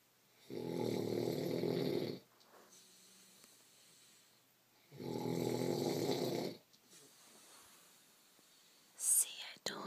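Two loud, rough, rattling snores on breathing in, about four seconds apart, with quiet breathing out between; a brief rustle at the end.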